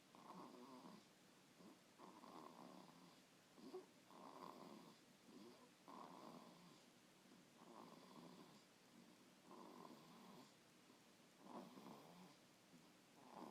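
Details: Sleeping in her swing: soft, fluttering snores repeating at about 32 breaths a minute, fairly even, over quiet room noise; ordinary sleep snoring.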